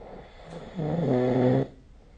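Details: Snoring recorded with the SnoreLab app: a single rumbling, buzzing breath sound in quiet, fitting an inspiratory snore during sleep.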